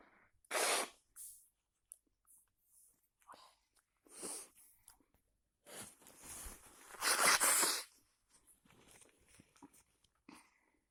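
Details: Several forceful, hissing sneezes in a row with quiet breathing between, the last and loudest near the end; sneezing.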